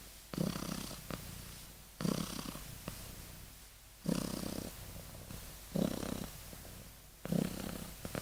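Soft, rough, low breathing noises repeat steadily at about 36 a minute in a quiet room: a sleeping kitten snoring.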